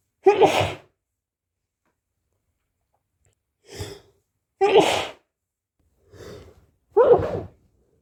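Five sneezes over eight seconds, three loud and forceful alternating with two softer ones, separated by short pauses; repeated sneezing.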